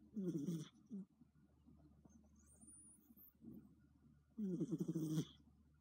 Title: Snoring cat